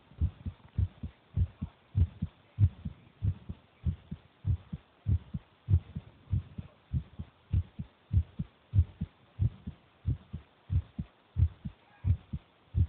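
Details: A 10-year-old child's resting heartbeat: steady, regular low thumps at roughly 95 to 100 beats a minute; normal heartbeat.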